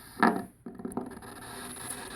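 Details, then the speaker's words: Needle EMG of the leg muscles in an adult woman, done to check for leg nerve damage, as she flexes her foot toward her head: crackling, buzzing feedback-like static swelling with contraction, scratchy burst as needle moves; normal, no after-discharges. "all that stuff that sounds like feedback is the muscle yep so you hear when I move the pin you hear that that's normal"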